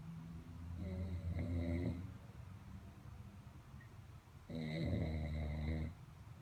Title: April 3, 2016 @ 0009 - I'm not the only one snoring!